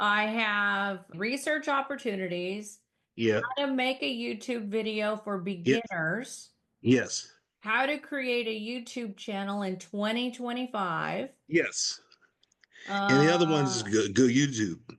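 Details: Adult woman speaking; normal speech.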